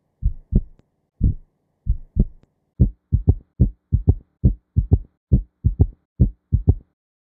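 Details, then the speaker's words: Simulated S3 gallop: a triple rhythm with a low-frequency extra sound in early diastole just after S2, from rapid ventricular filling, heard best with the bell at the apex. "S3 heart sound is a low frequency sound heard best with the bell of the stethoscope at the apex of the heart. It is heard in early diastily and is often referred to as a ventricular gallop."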